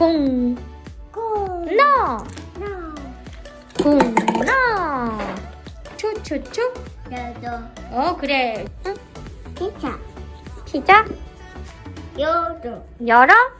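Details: Young child imitating words, with background music; childhood apraxia of speech.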